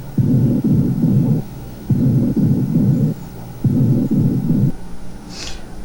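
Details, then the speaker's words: Stethoscope over a healthy lung area while the patient whispers "1, 2, 3"; muffled, low, indistinct whispers heard three times, unlike over the pleural effusion: normal whispered voice transmission. "Ok, pueden ustedes notar claramente la diferencia. 1, 2, 3 cuchicheado en el área sana."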